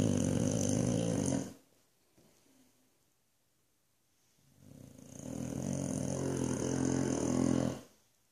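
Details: Boxer dog in Australia, asleep, snoring loudly enough to wake the owner: loud, long, rattling snores separated by a quiet pause; heavy dog snoring.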